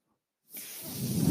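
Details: Half a second of quiet, then a soft airy hiss that swells steadily as a podcaster's mechanical ventilator delivers a breath; mechanical ventilator breath cycle.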